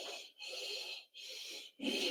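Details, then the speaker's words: Two soft blowing breaths with an 'e'-like hiss, a mouth imitation of a pleuritic breath sound made with the lip corner near the ear; simulated teaching demonstration. "el pleurítico más o menos así con la comisura labial lo más cerca de la oreja"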